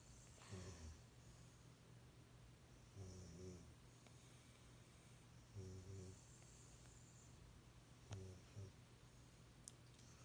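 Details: Female dog snoring while asleep: low rumbling snores about every two and a half seconds, roughly 24 a minute, over steady room noise; snoring.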